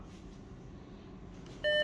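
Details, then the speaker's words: A Philips HeartStart FRX AED gives a single steady electronic beep during its on/off and shock button self-test, after the battery is reinserted and the pads connector attached. Quiet room noise; a normal device check, then "ready for use." "if this is an emergency press the green on off button shot button test if the orange button is flashing press it verified on off button test press the green on off button now"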